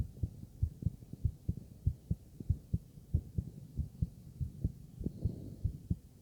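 Through the stethoscope come steady, low, dull thumps in a regular lub-dub rhythm at about 95 beats a minute, over faint steady hum. These are normal heart sounds, the valves closing with each beat, with no clear added noise between them.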